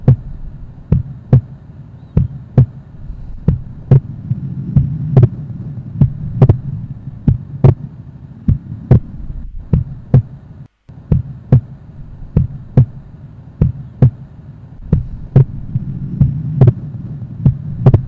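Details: Split second heart sound.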